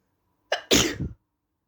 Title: Induced cold sneezes